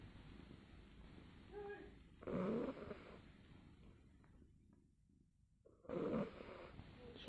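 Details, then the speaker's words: Sleeping male cat lying beside the owner during a nap gives two loud, rough snores about 3.5 seconds apart, roughly 17 breaths a minute, compared to a grown man's snoring; snoring. "睡个午觉，他非得在旁边，而且发出这个呼噜，听听谁能睡着觉。不亚于一个大汉的呼噜声呀。"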